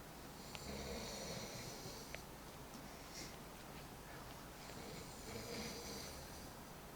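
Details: Two long, rough, rattling snoring breaths about four seconds apart from a big adult man asleep in a quiet hotel room; snoring.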